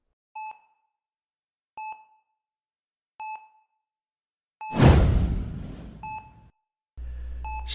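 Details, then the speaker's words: Audio drama hospital scene: evenly spaced monitor beeps about 42 a minute, then a loud whoosh and a steady tone; a dramatized heart monitor sound effect, not a real patient. "white walls, the steep beep of a heart monitor, medical charts clipped to the end of the bed."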